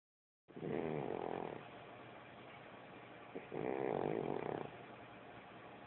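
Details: A pet cat snoring while asleep: two long, rattling snores on breathing in, with quieter breathing between.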